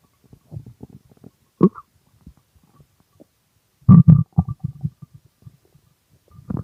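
Low gurgling, bubbling rumbles in uneven bursts with quiet gaps; loud stomach growling from hunger.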